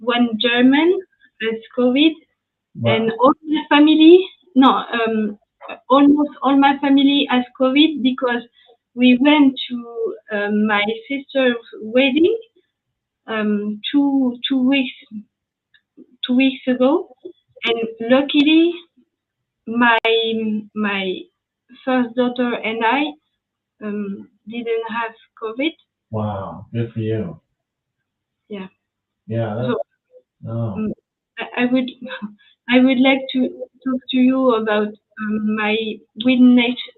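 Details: Young woman, French, with lasting aphasia after an ischemic stroke at age 22 in July 2011; initially mute for 10 days, then a year of rehabilitation; speaking years later; post-stroke aphasia.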